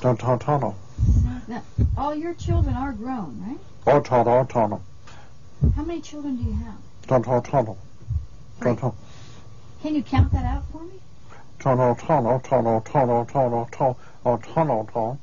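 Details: Adult patient speaking with an examiner; Broca's aphasia (nonfluent aphasia with recurring utterance).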